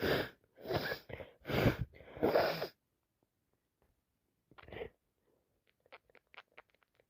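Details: Sneezing on day 4 of a head cold: a burst of four loud, wet sneezes in quick succession, then a short sniff and nose-blowing sounds.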